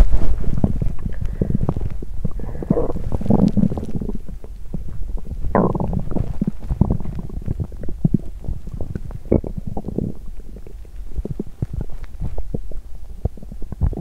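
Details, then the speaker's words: Active bowel sounds (stomach growling) on an empty stomach after exercising: continuous low gurgling and rumbling with bubbly pops and a few longer growls. "Âm thanh réo rắt của dạ dày tôi tiếp tục một lúc ♪"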